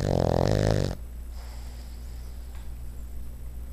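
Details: Sideways snoring: one loud, low, rattling snore on breathing in, then quiet breathing in a small room.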